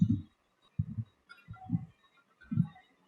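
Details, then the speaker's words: Low, dull thumps in a steady rhythm, each a soft double beat: heart sounds heard through a stethoscope. "so you might be wondering how does this happens that the doctor is able to hear the heartbeat clearly it's because of the diaphragm"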